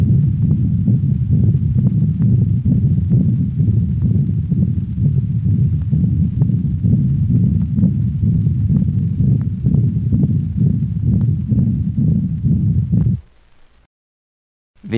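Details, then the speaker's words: Dog, recorded at the cranial thoracic wall: loud, unbroken continuous machinery murmur through every heartbeat, accentuated in late systole, best heard at aortic and pulmonic valve level; patent ductus arteriosus. "listen to the continuous machinery murmur of a patent ductus recorded at the cranial thoracic wall of a dog"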